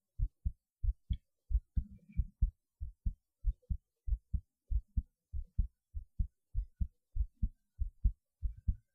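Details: Normal heartbeat recorded just after standing on the head for a while, clear paired heart sounds at about 94 beats a minute, slightly fast, steady rhythm, otherwise quiet.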